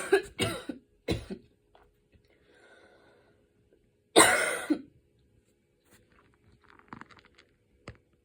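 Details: Post-exercise cough.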